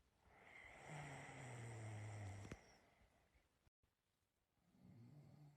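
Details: Adult snoring in sleep: a low, rumbling inspiratory snore fading into quiet breathing, then a softer snore starting.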